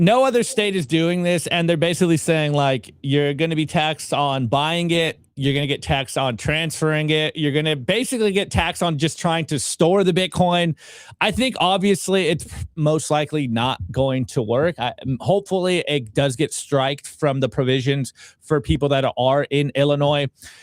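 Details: Adult male speaker; Normal speech.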